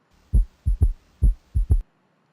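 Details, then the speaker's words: Third heart sound (S3 gallop) from a heart physiology lecture on pressure-volume loops. It occurs just after mitral valve opening during rapid filling and can be normal or indicate a dilated ventricle. Two heartbeats are heard, each a three-part gallop. "it's rather quick but s3 is kind of a confusing heart sound because it can occur in a normal person and it can also indicate underlying pathologies such as a dilated ventricle"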